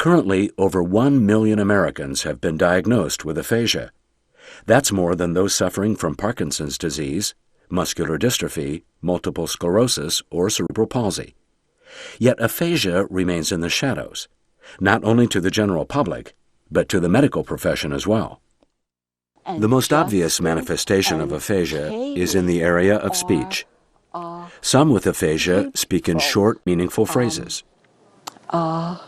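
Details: Adult male narrator; no disorder (narrator).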